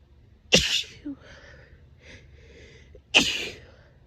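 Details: Two forceful sneezes about two and a half seconds apart, each a sharp hissing burst with a brief in-breath between, from a female with grass pollen and ragweed allergy; sneezing fit.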